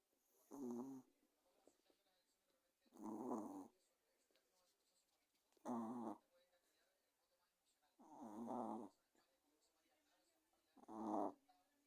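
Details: Sleeping dog snoring: five slow, regular rattling snores about 2.5 seconds apart, near 23 per minute, with quiet between them.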